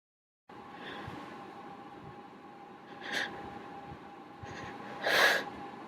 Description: I really suck at holding back. More loud, wet sneezes.